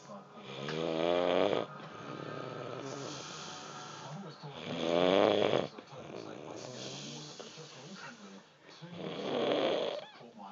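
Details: Loud, rough, rumbling snores repeating about every four seconds, around 15 breaths a minute, described as snoring like a train; heavy snoring during sleep.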